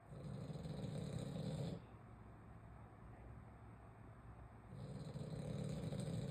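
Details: French bulldog snoring while asleep, described as very loud, "like a grizzly." Loud, deep, rumbling breaths separated by quieter pauses. Heavy snoring.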